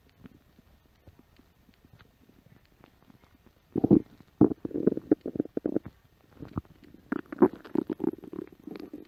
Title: stomach growling on the set of "She Bop"